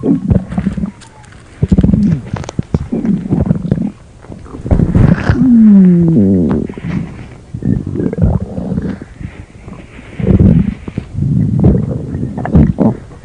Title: Kandwy stomach growl